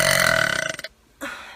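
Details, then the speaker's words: Young woman deliberately burping on camera: one long, loud, voiced burp lasting nearly a second, then a short second burp; a harmless belch (eructation). "everybody you're gonna hear the loudest burp that you'll ever hear in your whole entire [ __ ] life"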